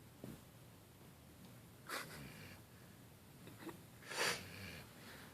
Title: Snoring dogo